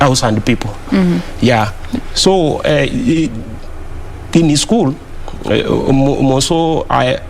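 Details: Adult man who stammers, speaking on a TV talk show; word and part-word repetitions; stuttering.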